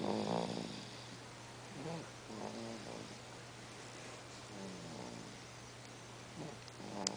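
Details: Sleeping baby making noise: soft, snuffly, snore-like breathing from the infant over a steady low room hum; infant noisy breathing during sleep.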